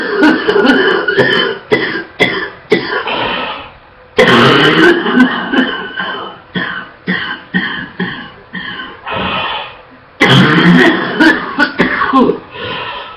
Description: She coughs non-stop and she's barely able to catch her breath.